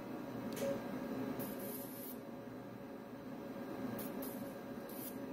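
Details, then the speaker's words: Monopolar electrosurgical unit (Bovie) in spray coagulation mode, current spreading like a spray for broad surface coagulation: steady buzzing hum with bursts of hiss. "스프레이 모드는 말 그대로이 스프레이처럼 퍼지는 건데 이게 그냥 코 하귤레이션 하는 거고 전류가 스프레이처럼 퍼지는 거예요"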